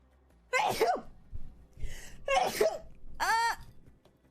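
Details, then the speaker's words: Several sharp, explosive sneeze bursts from different people, one with a voiced ending; ordinary sneezes from a sneezing compilation. "Oh, I want to sneeze. No, God, I sneezed in the mic. I'm so sorry."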